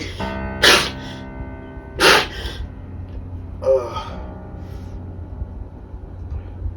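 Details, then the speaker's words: Three explosive sneezes about 1.5 seconds apart from an adult man who blames allergies, over background music; repeated sneezing. "oh hey [ __ ] stop sneezing in my [ __ ] I don't let no grown ass man sneezing in my [ __ ] house man stop doing that [ __ ] dog"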